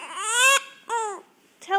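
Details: Baby with hiccups waiting for lunch: three short, high-pitched infant cries with quiet gaps between them, fussy rather than a sustained wail.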